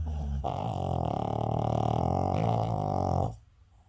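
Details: Snoring during sleep: one long, loud, rumbling snore breath of about three seconds with a coarse, fluttering buzz.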